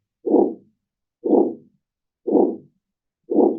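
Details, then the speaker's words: Heart auscultation teaching demonstration; harsh whooshing systolic murmur with each beat, about 60 a minute, replacing the normal lub-dub, from narrowing of the aortic valve: systolic murmur of aortic stenosis. "Loopdup-nya enggak ada grup grup itu ya. Nah, ini ini yang ada sistolik mormur arti karena stenosis atau penyumbatan di aa ya darah yang ke aa ini ada penyumbatan."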